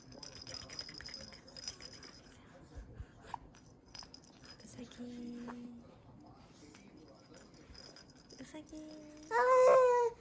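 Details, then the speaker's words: A quiet room with faint rattling, then a brief loud cry from a 99-day-old baby boy. "ちくちーくどうしたどうした泣いてるわ。"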